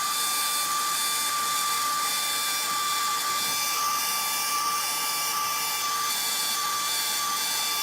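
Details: Loud, steady high-pitched motor whine with hiss throughout: a rotational atherectomy catheter system running during activation in a live endovascular case, with suction on retrieval.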